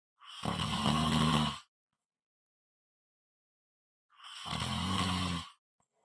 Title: Snoring Loud and Clear